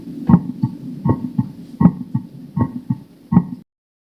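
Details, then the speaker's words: Split second heart sound from the semilunar valves closing at different times; steady heartbeat near 79 per minute. "раздвоение второго тона бывает из-за неодновременного закрытия полулунных клапанов"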